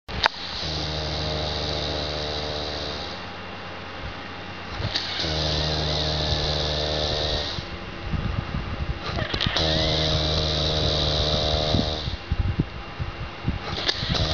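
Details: Adult man, later diagnosed with severe sleep apnea, snoring with bubbles at the mouth: loud, steady rumbling snores with a raspy hiss, three long breaths in about fourteen seconds, each lasting two to three seconds.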